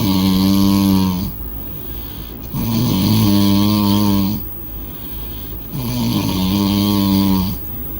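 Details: A woman snoring loudly after a party: steady, rumbling snores, about three in eight seconds, each over a second long, separated by quieter breaths; heavy snoring.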